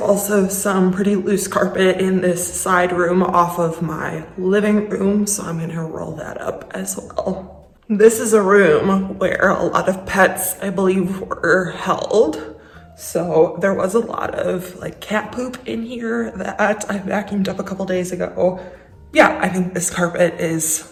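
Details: Adult woman with a lifelong vocal disorder she calls a medical condition, not caused by nerves, emotion or illness; voice quivers, sounds shaky and cuts in and out. Finding: voice tremor.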